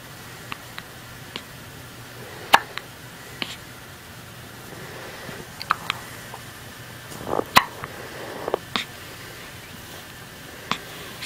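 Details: Hiccups: brief soft clicks and small jerky catches of breath repeating over a quiet room hum.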